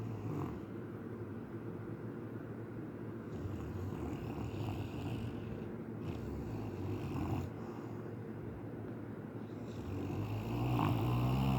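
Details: Steady, low, fluttering snoring with a few brief louder snorts from a relaxed, deeply sleeping dog; the owner thinks he may be dreaming of running after something. Dog snoring.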